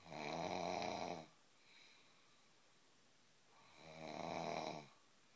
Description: some snoring